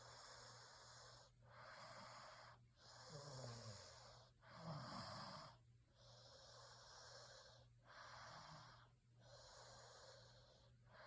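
Repeated noisy, hissing breaths with a few low rattling snorts in between, at about 39 a minute: snoring during sleep, over a steady low hum.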